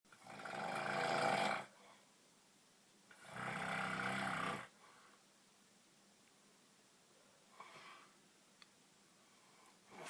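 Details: Two long, rough, rumbling snores about three seconds apart on the in-breath, then quieter breathing: snoring.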